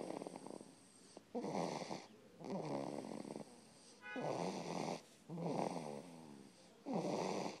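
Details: Irregular, repeated rattling snores with each breath in and out, in a quiet room; snoring during sleep.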